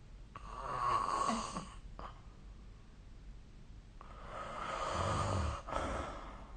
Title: 🐽 Snoring Sleep Sound